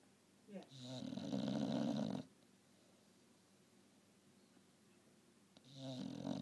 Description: My English bulldog taking a beauty nap and waking the rest of us up at the same time lol